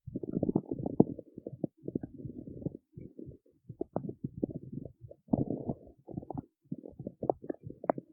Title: stomach growling in the city